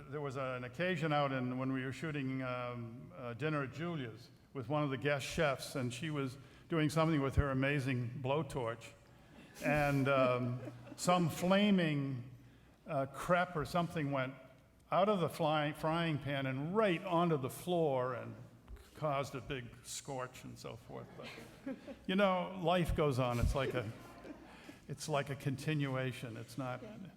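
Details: Adult man speaking; normal voice.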